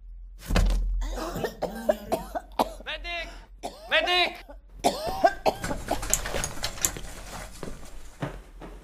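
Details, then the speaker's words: Simulated cough: an adult woman actress performs a dramatic acted cough with sharp bursts amid voiced sounds and light background music, using pacing, pauses and breathing technique; acted cough. "pacing pauses and breathing technique comprise the rythm of each ubo acting performance"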